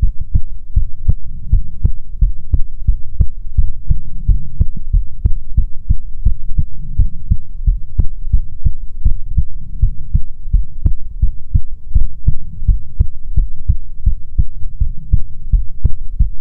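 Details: Steady, regular low thumps, about 80 beats a minute, recorded close up with a soft background hum, in an ASMR heartbeat recording meant to be soothing; normal heartbeat.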